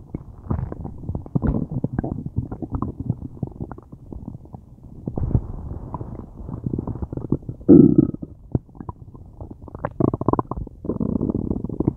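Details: Long, loud gurgling and rumbling from the belly with bubbling bursts, recorded during a tummy ache; loud bowel sounds (borborygmi).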